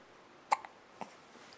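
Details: Hiccups in a 5-week-3-day-old baby girl, kicking: two short, sharp hiccups about half a second apart against a quiet background.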